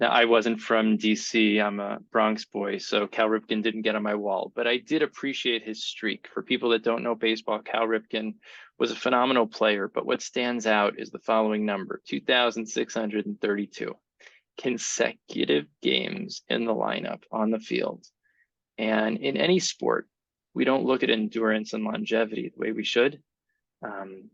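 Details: Adult man; typical speech.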